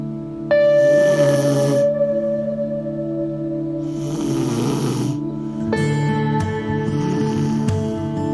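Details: Heavy, rumbling snores on each breath in, with soft ambient music, in a promotion for a snore-stopping smart pillow: snoring.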